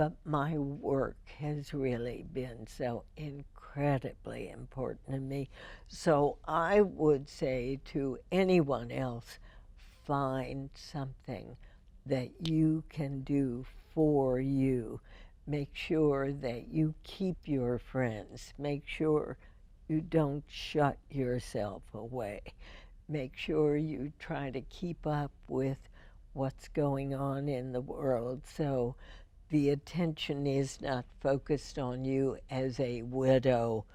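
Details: Adult female with spasmodic dysphonia, first diagnosed in 1998, treated every four months with botulinum toxin injections into the vocal cords; spasmodic dysphonia.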